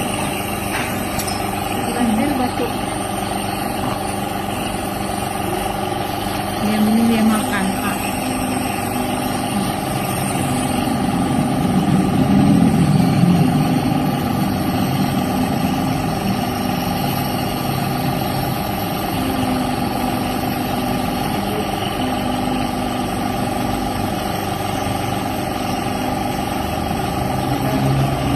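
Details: A child being given nebulizer treatment for a cough and cold: a steady mechanical motor hum of the running nebulizer compressor throughout, with faint voices at times.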